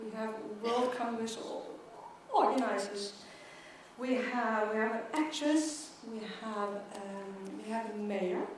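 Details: Stuttering in an adult woman who stutters, a keynote speaker at a world congress for people who stutter.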